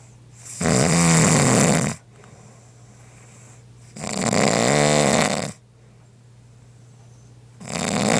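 Loud rattling snores on each breath in, about 17 breaths a minute, with quiet breathing out between, over a steady room hum.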